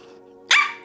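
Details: Vocal tic, a short bark-like sound, interrupting the speech of a 27-year-old woman with Tourette syndrome diagnosed at age 12.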